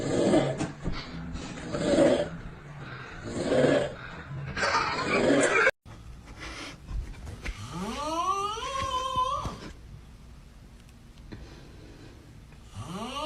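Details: Snoring from a sleeping person.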